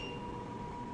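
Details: A steady high tone over room noise as a 4D HIFU (high-intensity focused ultrasound) facial treatment machine starts a pass when clicked, during a training demonstration; HIFU machine start chime.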